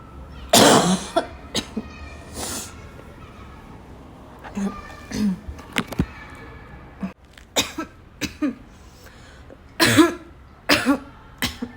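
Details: Afternoon coughing fit, tagged as a coughing girl with a barking cough, that started weak and grew violent: about a dozen repeated harsh coughs with throat clearing, growing more forceful.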